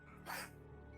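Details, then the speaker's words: A pet cat gives a single short, dry, huffing cough over steady background music. The owners say he sounds like he is wheezing and wonder if something is in his throat. "Well, one sec, my kitty has a cough. Oh, I thought. Oh, Yeah, I was like, what's that noise?"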